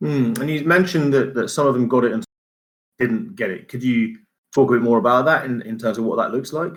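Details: Adult male speaker; typical speech.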